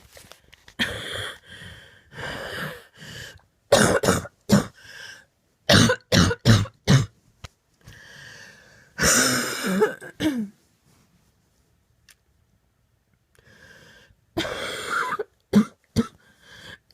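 Repeated harsh coughs in clusters with throat clearing and brief pauses, a persistent coughing fit in an adult.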